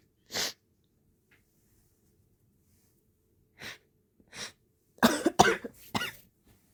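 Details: Sneezes after trying chhinkni (herbal snuff) for the first time, some helped along with a rolled-up napkin; several sharp, explosive bursts, a few isolated then a quick cluster of three or four, some stifled; a harsh run of sneezes.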